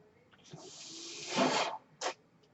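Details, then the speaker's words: Steady rushing air hiss building about 1.5 seconds, then a brief second puff, a ventilator delivering breaths during a podcast introduction; the speaker says the noise is from his ventilator; real recording. "hello everyone my name is that noise hearing is by ventilator and welcome to page turners they were not my stores podcast"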